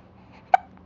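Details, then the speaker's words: A single short sharp hiccup from an infant boy who often gets hiccups, sitting in a nursing pillow and smiling, unbothered, against quiet room noise; an ordinary harmless infant hiccup. "well these hiccups they just must be agreeing with you pretty good you seem to kind of like them I guess"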